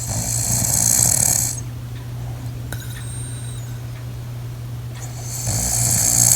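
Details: Adult who long denied snoring, recorded asleep by spouse: loud, harsh, rasping inhalations separated by a quieter pause, with low fluttering; snoring.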